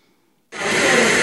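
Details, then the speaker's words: Cough assist (mechanical insufflation-exsufflation): the machine fills the lungs, then after a brief silence a sudden loud rushing airflow as it strongly suctions air and secretions out. "ele enche ó ó en en ó en enche encheu enche encheu ó ó suou todo ele é passa de novo por favor passa de novo só para ele é um grande aspirador"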